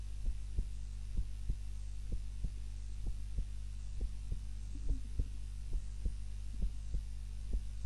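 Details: Heart sounds recorded on a timer during a nap, lying on the back rather than the usual face-down position; steady soft thumping heartbeat at about 66 a minute over a low hum, a normal resting rhythm.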